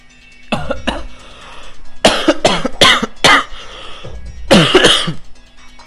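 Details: Person coughing after drinking the world's spiciest drink: about six harsh coughing bursts with throat clearing; cough from irritation.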